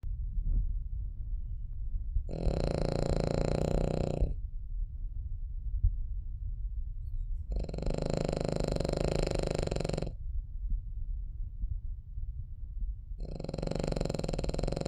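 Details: Cavalier dog sleeping; three slow, drawn-out snoring breaths, each about two seconds long, separated by quiet pauses; snoring during sleep.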